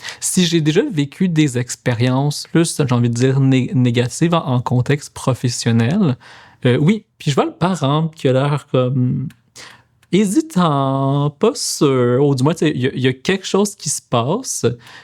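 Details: Adult male speech-language therapist and PhD student in speech-language sciences who stutters; stuttering.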